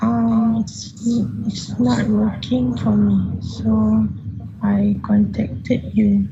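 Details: 15-year-old Malaysian male whose voice stays high-pitched and childish after puberty, recorded before online voice therapy; puberphonia.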